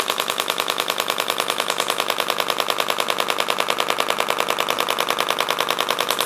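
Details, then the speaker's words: Radial shockwave therapy device switched on over ultrasound gel on a woman's quadriceps: fast, very regular mechanical tapping, about 200 taps a minute, as the projectile sends pressure waves into tissue, which may make the muscle twitch. "now we're going to turn it on and what it's going to sound like is you're going to hear the tapping sensation and that's basically us applying that um projectile over the area and it's causing the the sound wave to go into tissue"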